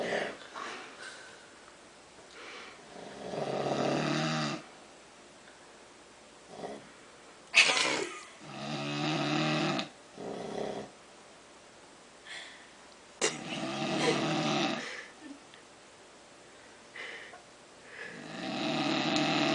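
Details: Loud, rough snores from a sleeping person (referred to as "she"), recurring with each breath at about 12 a minute with quiet pauses between; likened to a cow: snoring.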